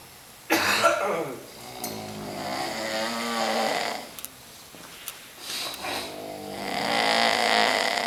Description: This is what the inside of our Quonset Huts looked like, I couldn't sleep with all of the snoring so I took a video.